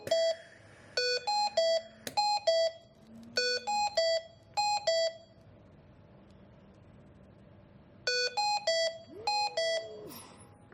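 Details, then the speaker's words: Hamilton T1 ventilator service test: the expiratory valve exhaust port is blocked with transparent film and pressure rises; repeating groups of loud, clear electronic alarm tones with pauses as the exhalation obstructed alarm activates. "Block the expiratory valve exhaust port with the help of transparent film and observe the pressure rise. Verify that the exhalation obstructed alarm is activated."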